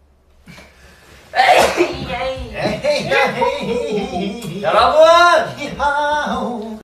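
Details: Sneezes from two young men during a livestream.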